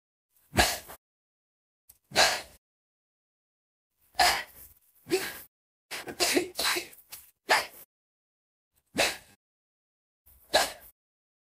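About eight short, sharp sneeze-like bursts separated by silence, AI-generated for an animated character.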